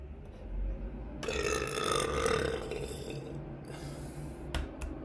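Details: Uncontrollable repeated burping: a long, low, gurgling belch with a rattling texture, followed by shorter throaty bursts.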